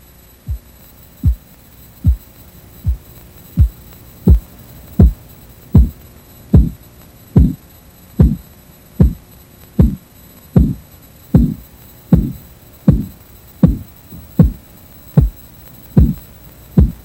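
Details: Korotkoff sounds from a blood pressure training example: regular thumping pulse sounds at about 76 a minute under a deflating cuff; the first sound heard marks systolic and the last diastolic pressure.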